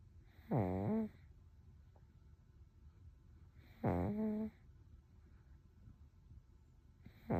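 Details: Toddler aged 1 year 1 month in deep sleep: voiced, rattling snores on breathing in, about 18 breaths a minute; ordinary snoring.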